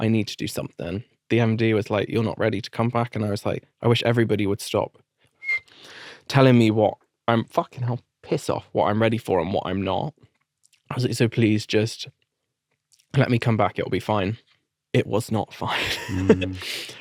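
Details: Adult man with adult-onset Tourette syndrome, diagnosed in 2019 after a seizure, brain tumour and brain damage. Involuntary vocal tics with coprolalia (swearing). He also developed a stammer, treated with 2.5 years of speech therapy.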